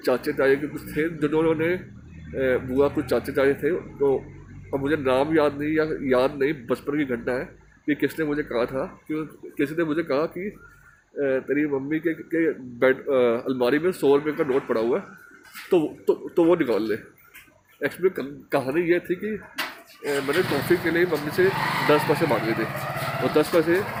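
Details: Stuttering in a Hindi-speaking man from Delhi who stammers, a member of an Indian stammering association, recording an emotional-recovery course task.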